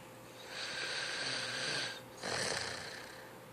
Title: Goofy teen snoring